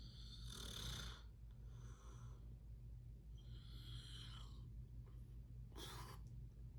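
Rough, fluttering snores on the breath in, heard over a steady low background hum: snoring during sleep.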